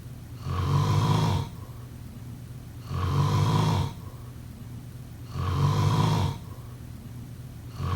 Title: Snoring sounds..